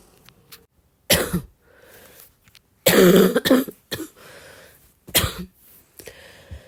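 About four harsh cough bursts with throat clearing and a loose, rattly quality, fitting a wet, productive cough with mucus in the airways.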